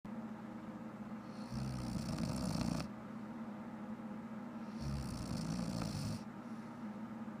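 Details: Adult woman who fell asleep while watching shows: two loud, rough, rattling snores on the in-breath, a few seconds apart, with quiet breathing between; typical snoring.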